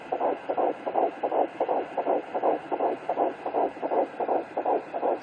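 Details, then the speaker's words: Home fetal Doppler at 11 weeks 2 days, third baby, found on the left side: rapid, regular whooshing like a washing machine, about 150s–165 beats a minute, a fetal heartbeat. "If you can hear it, that is the sound of the little washing machine. Heartbeat between the 150s, 160s,"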